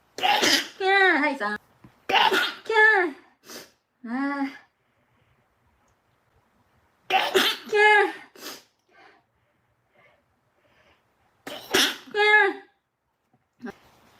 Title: Cute Japanese Girl stifled sneezing ( i'm back ~ )